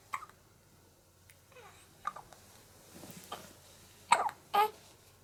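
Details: One-month-old baby girl with hiccups after breastfeeding while fighting drowsiness: quiet, brief hiccups with small fussy breaths and soft vocal noises between.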